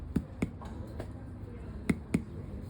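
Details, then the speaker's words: Resonant percussion note: five sharp indirect (mediate) percussion taps over the thoracic cavity, hollow ringing, expected healthy lung sound, demonstrated in a teaching setting and contrasted with percussion over muscle. "escucha como el retumban mir voy vo hacer aquí"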